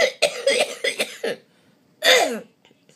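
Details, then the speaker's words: About five wet, loose coughs then one more: productive cough in a hospitalized cystic fibrosis patient on IVs, after Acapella airway clearance; cough looser than the past week, when lungs felt very tight. "My cough is a lot looser, which is good because my lungs have been very tight the past week."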